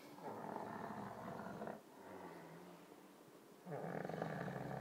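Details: Monkey covered in shaving foam, sleeping after eyebrow removal: two rough, rattling breaths with a quieter, softer breath between; snoring.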